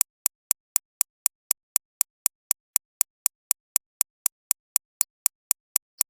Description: It is not standard white noise; it is a digitally engineered recreation of the acoustic impact produced by medical shockwave therapy machines.